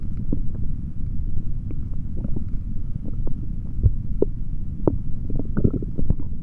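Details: Male stomach sounds recorded with a stethoscope after drinking a chocolate protein shake: low rumbling and gurgling with scattered short squelches, active bowel sounds and ordinary stomach growling.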